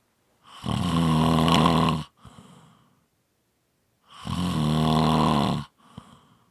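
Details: Snoring: loud, rough, rattling snores on each breath in, two in six seconds, with a quiet breath out between.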